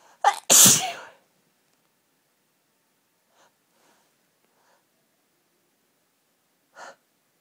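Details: An intense, persistent sneezing fit triggered by hay fever: a sharp inhaled catch, then one forceful explosive sneeze, followed by faint sniffs and a small breathy burst.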